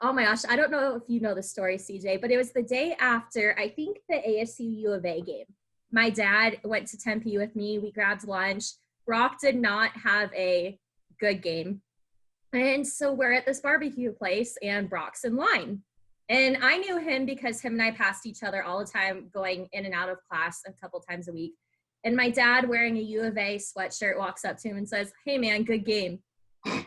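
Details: Adult woman; normal speech.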